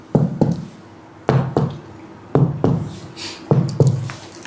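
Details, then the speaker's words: Anterior chest percussion at upper lung points comparing right and left, as a physical exam skills demonstration: paired dull-hollow taps with low resonant thuds, a normal resonant (sonor) lung percussion note. "Normalnya paru terdengar suara sonor ketika dilakukan perkusi."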